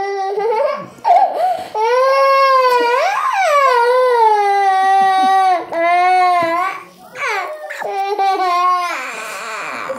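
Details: Young baby crying loudly after an injection in the back side: sustained high-pitched wails with brief gasping breaths between; crying from pain.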